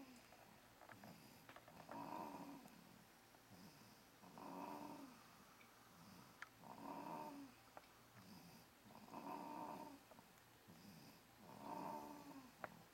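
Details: Rhythmic rattling snores with each breath, about 24 a minute, from a sleeping dog that went from screaming to snoring within 3 seconds; loud snoring.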